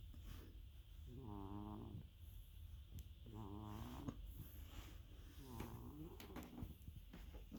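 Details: Cat sleeping in a home sauna spa: three rhythmic, buzzing, fluttery snores about every two seconds; loud ordinary snoring.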